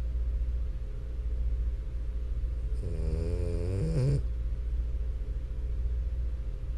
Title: French Bulldog Snoring For 10 STRAIGHT MINUTES!! ASMR